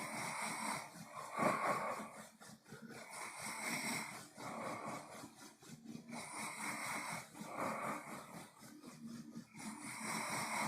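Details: Closed-mouth snoring during sleep: steady, rhythmic noisy breathing that rises and falls with each breath in and out, a soft nasal rasp.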